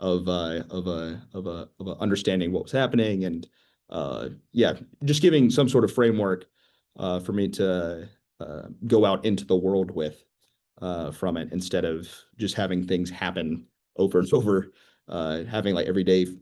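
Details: 25-year-old man who began stuttering at age 13, with repeated sounds and syllables, filler words, and repeated words and phrases; stuttering.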